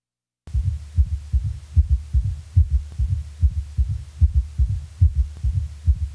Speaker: quadruple rhythm summation gallop when both the third heart sound and a fourth heart sound are present with a normal heart rate 60 to 100 heart beats per minute the four sound cadence of a quadruple rhythm may be heard